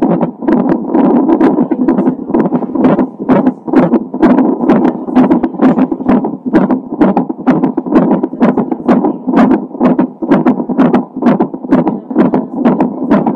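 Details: Doppler fetal heart sounds from a baby with Down syndrome, recorded a few hours before birth; rapid, regular whooshing heartbeat at about 128 beats a minute.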